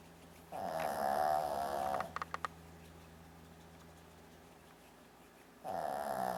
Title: Brandi the Funny Shih Tzu Dog Snores Like A Person